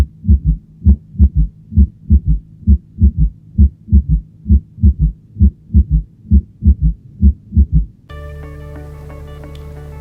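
Regular low heart sounds at about 66 a minute with an extra soft sound just before the first, a fourth heart sound gallop; music follows.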